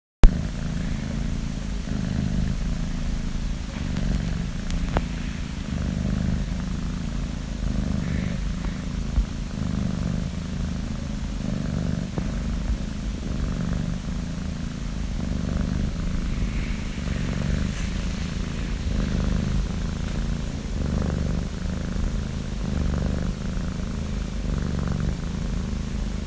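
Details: A sleeping cat snoring with a steady, low rumble through every breath.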